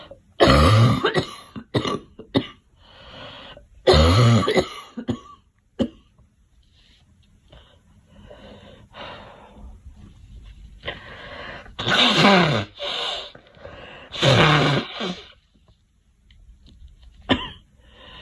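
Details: A girl coughing: about six bouts of harsh coughing with a throat-clearing quality, separated by quiet breathing pauses.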